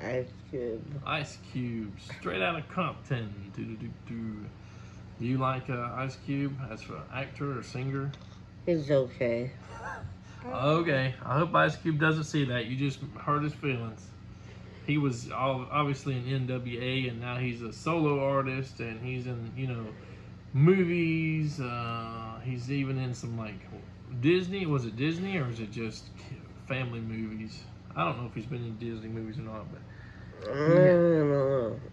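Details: Two adults talking in a small room; conversational speech.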